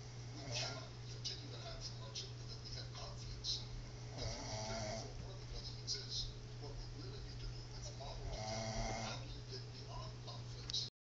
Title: Who's Snoring???